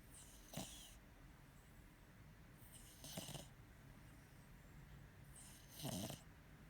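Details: Dog snoring while the owner tries to wake it: three snoring breaths, each a brief rattling snort with a hissing edge, about every 2.5 seconds over quiet room noise.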